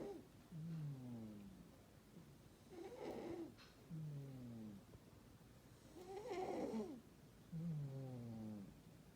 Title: Burmese cat snores, Russian Blue doesn’t mind it